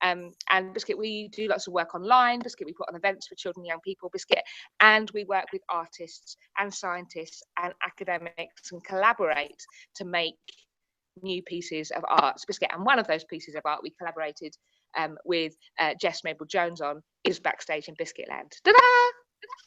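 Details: Vocal tics of Tourette syndrome in a woman, involuntary, including frequently repeated words like 'biscuit' and random words like 'hedgehog' and 'sheep dog'.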